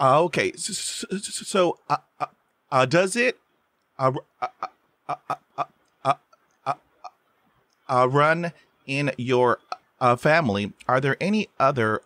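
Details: Stuttering in an adult man, a writer and filmmaker, who has stuttered since first grade and stutters most when asking people for things.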